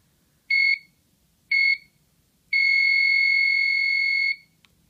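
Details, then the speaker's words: Two short high beeps, then one long continuous tone from a left ventricular assist device controller being switched off after disconnection from a deceased hospice patient; LVAD controller alarm. "this is off and it will not align anymore okay and generally if i'm able to i'll take this out of the room before i turn it off because it does sound like alarms that they deal with"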